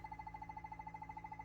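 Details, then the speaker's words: Yoshida CO2 dental laser firing after mode selection and ready button, foot switch pressed: rapid, steady pulsed beeping, about twelve beeps a second, over a low hum, the laser emission tone. "It sounds. Now machine working."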